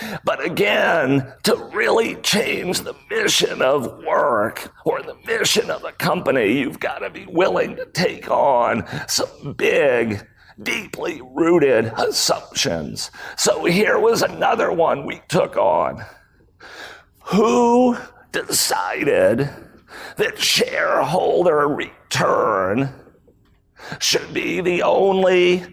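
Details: Spasmodic dysphonia, a rare voice disorder acquired in 2010 by an adult male CEO; throat muscles spasm and contract when he talks, sometimes making speaking difficult.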